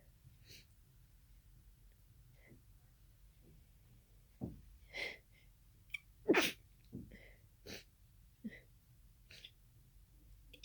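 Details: Sudden sneezing fit of unknown cause after nasal irritation for about an hour, becoming congested toward the end; allergy medication was taken. Repeated sharp sneezes with quick breaths between them in a quiet room.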